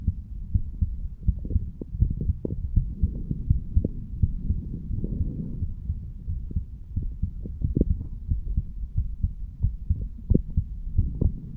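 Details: Heartbeat of a 35-year-old male standing up, recorded at the mitral (bicuspid) valve area: steady low thumping about 90 per minute with some low hum; normal heart sounds.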